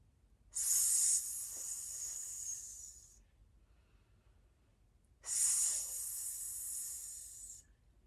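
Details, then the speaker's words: Cough-suppression breathing exercise for chronic cough: inhale through the nose, tongue resting on the mouth floor, then two long, steady hissing 's' sounds on the out-breath. "सांस लेने का दूसरा व्यायाम "एस" ध्वनि का उपयोग करते हुए सांस छोड़ना है। आप जीभ की आरामदायक मुद्रा चाहेंगे। अपनी जीभ को मुंह के तल पर रखें। अपनी नाक से साँस लें और साँस छोड़ते समय "s" ध्वनि का प्रयोग करें।"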